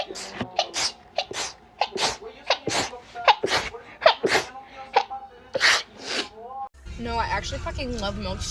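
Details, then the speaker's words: Several sharp, rapid sneezes in quick succession, with coughs, snorts, laughter, voices and music: rapid sneezing. "I have to sneeze."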